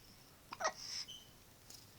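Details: A quiet, sudden catching sound with a brief squeak, then a soft voiced tail in a quiet room; a single hiccup.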